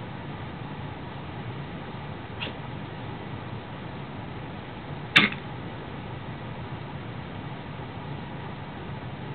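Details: Toy poodle: a single sharp, abrupt "kah" cough that always follows playing with a cushion but not running. The vet found normal heart sounds and no abnormality.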